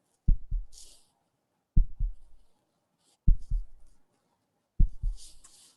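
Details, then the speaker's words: Heartbeat of a person labelled candidate A, played to an audience in a research demonstration: slow, regular paired lub-dub thumps, about 40 beats per minute, in a quiet background. "this is candidate a so what can you infer about his personality or emotion state from listening to this heartbeat"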